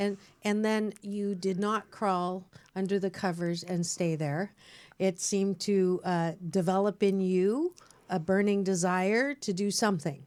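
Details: Adult woman speaking; normal speech.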